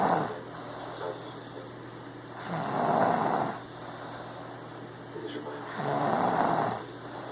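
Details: Male asleep sitting upright: three slow, rough snoring breaths at about 19 a minute, with quiet pauses between, in a quiet room.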